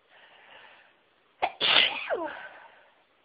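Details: A very sneezy person recording varied sneezes: a quick sharp intake, then one forceful explosive sneeze that trails off; an ordinary sneeze.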